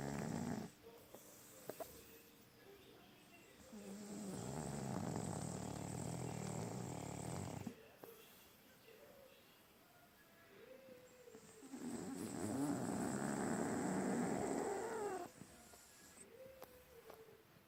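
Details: Long, loud snoring breaths in steady cycles with snorting and rattling sounds from a sleeping pug.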